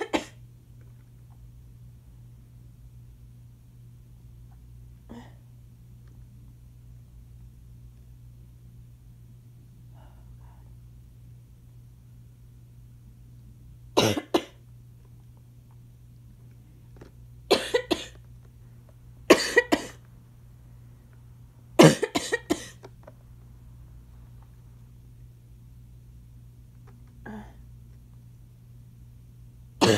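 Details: Adult with asthma coughing: several sharp, harsh coughs, some in quick pairs, against a quiet room hum; the cough gets increasingly congested and the person was having trouble taking an inhaler.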